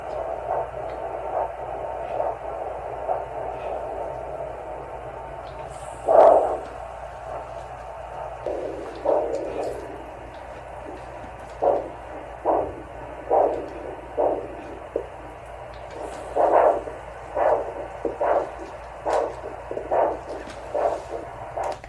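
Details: Doppler arterial pulse sounds during exam of a female patient with expiratory wheeze, low SpO2, suspected allergic asthma, normal carotid and heart auscultation.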